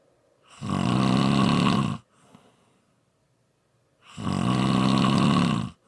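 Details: Two loud, long, rattling snores on breathing in, separated by quiet pauses; ordinary heavy snoring.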